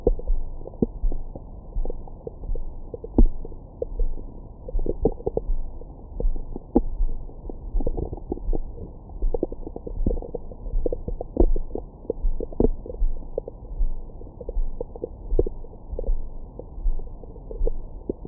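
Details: Bowel sounds recorded with a Stemoscope stethoscope microphone on the belly after a large meal: continuous low rumbling with scattered gurgles and squeaks, active and normal.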